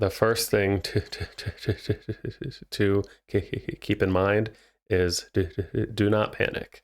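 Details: Adult male speech therapist who has stuttered himself, speaking naturally with real (not acted) developmental stuttering; finding: stuttering.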